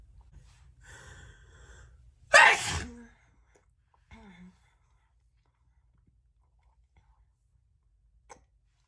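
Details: Single loud, sharp sneeze after a soft inward breath, then quiet, from a woman who reports feeling unwell that day.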